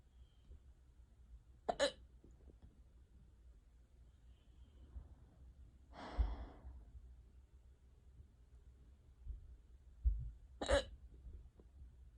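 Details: Unusually severe, long-lasting hiccup bout: two abrupt, sharp hiccups about nine seconds apart with a breathy exhale between, in a quiet room; hiccups.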